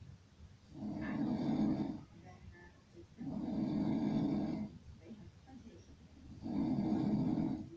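Long, loud, buzzing snores on each breath, about 23 a minute, with softer breathing between; heavy snoring.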